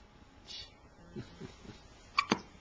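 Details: Infant girl with hiccups for the first time: faint breathing followed by two sharp, abrupt catches of breath near the end.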